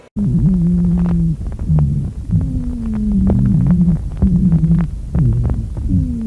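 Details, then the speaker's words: Lung auscultation teaching recording: repeated musical whistling tones with the breaths over the chest, high-pitched dry wheezes, heard in both inspiration and expiration. "Теперь будем слышим высокой свистящий сухие хрипы"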